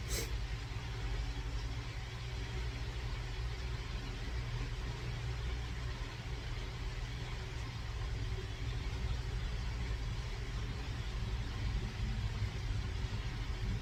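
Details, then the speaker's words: Automatic home blood pressure cuff inflating with steady low motor hum, hemorrhagic stroke survivor (right brain, left-side affected) taking morning reading; result 123/86. "so Ayan po ang ating blood pressure ulitin po natin 123 over 86 po"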